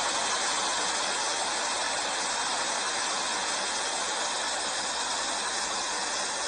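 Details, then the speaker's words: Third tinnitus (acúfeno) sound example, simulated: a steady rushing hiss like a jet of water with a faint high tone; a pulsatile tinnitus would require evaluation at several levels. "como un chorro de agua como una vela podría muriendo claro podríamos asociarlo a tal vez si fuera específicamente había algún problema en el medio"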